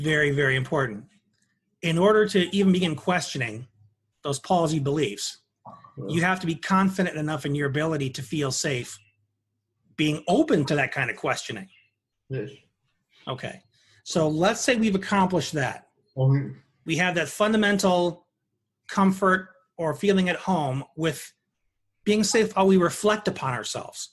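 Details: Adult speaker; ordinary speech.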